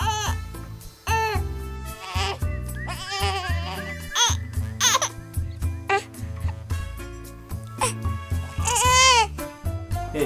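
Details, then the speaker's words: Infant who cries because it needs to burp; short, rising-and-falling fussy cries over loud background music; infant burp cry. "Like sometimes you're feeding the baby, then the baby cuts you and starts crying. That's not crying, she wants to burp."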